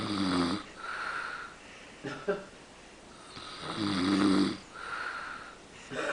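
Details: "Pa" snoring after falling asleep in the middle of everyone: two rough, rattling inspiratory snores separated by quieter exhalations, with a brief noise between; ordinary snoring.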